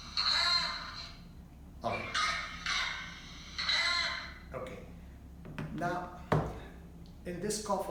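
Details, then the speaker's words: A child's repeated hollow, brassy, barking coughs of shorter duration than whooping cough, presented in a paediatric talk as croup, a viral cough. "if you have noticed carefully it's bit hollow it's kind of a brassy cuff we call it a group or viral cough"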